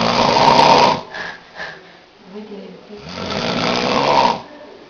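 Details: Hungover man asleep after a São João festival, snoring "like a tractor": two loud, harsh, rattling breaths about three seconds apart with quieter breathing between; heavy snoring.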